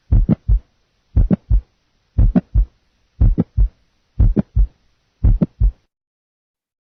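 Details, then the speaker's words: Heart sounds for nursing assessment teaching: mid-systolic click, compared with a single first sound. "okay listen now mid-systolic click compared to single first sound single first sound mid-systolic click"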